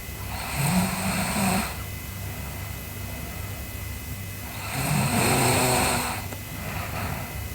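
Two loud, rumbling snores on breathing in, about four seconds apart, with a steady hum in the background. Ordinary sleep snoring.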